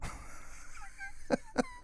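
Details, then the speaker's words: Two sharp, short coughs from an adult with a lingering cough, now feeling better, who says it is hard to get rid of once down inside; faint tonal background sound. "well you hear that coughing um you know it's it once it gets down inside you know it that that coughing is just hard to get rid of"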